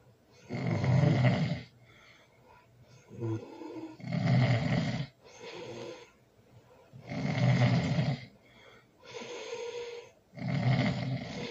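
Loud, low rumbling snores on breathing in, with quieter sounds on breathing out, about 19 cycles a minute: heavy snoring during sleep.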